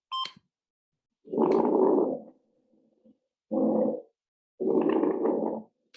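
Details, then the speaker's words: Simulated lung auscultation in a virtual patient with anteroseptal myocardial infarction, chest pain and elevated troponin: coarse, rustling breaths with crackles. "Se escuchan crepitantes."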